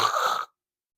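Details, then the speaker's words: Imitated agonal breathing in an unconscious person after opioid overdose: a single brief, harsh, snore-like gasp, which may be followed by 20–40 seconds of silence before the next gasp. "They may not be breathing at all, or it'll sound like the worst snoring you've ever heard of. Medically, it's called agonal breathing. It'll sound like this."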